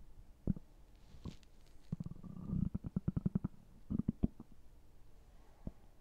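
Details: Stomach gurgling with soft low gurgles and a quick run of bubbling pops in a quiet room; normal bowel sounds, borborygmi.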